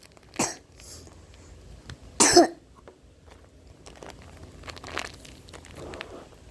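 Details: Two dry cough bursts from an adult, one loud, amid faint room noise and small movement sounds; cough.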